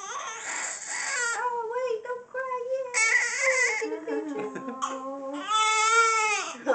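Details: Baby girl cries loudly: a wailing infant cry in repeated rising and falling bursts, in a small room.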